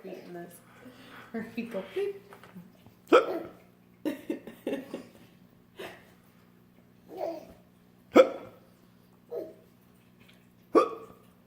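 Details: Sharp, abrupt gulping catches recurring every few seconds among brief talk and a child's giggles, typical of hiccups in an adult mother being teased by her child.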